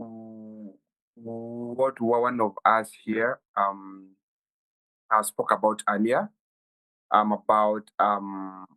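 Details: Stuttering in a 23-year-old Kenyan man who has stammered since childhood, reportedly worsening at university.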